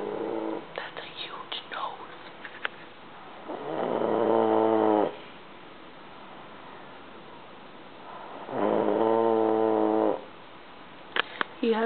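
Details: A man asleep on the living-room couch in a full-blown snore attack, who denies snoring, gives two long, loud buzzing snores on inhalation with quiet breathing between, about 12 breaths a minute; snoring.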